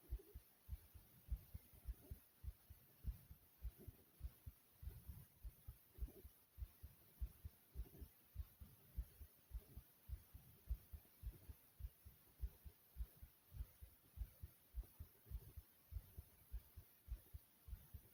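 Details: The recorder's own regular heartbeat, steady soft low thumps at roughly 100 a minute under a faint hiss, described as beating very soothingly.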